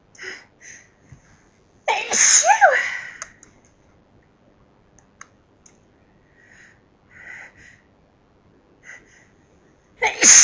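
A loud, forceful sneeze with a sharp inward breath before it, followed by a second sneeze starting at the end; short breaths between.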